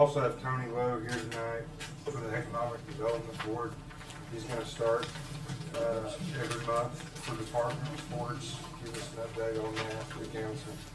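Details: Adult male speaker; ordinary speech.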